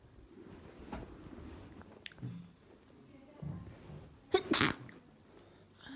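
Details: Ill person whose chest hurts badly: one sharp, wet, forceful high-pitched sneeze after a short breathy intake, in a quiet room; sneezing while sick.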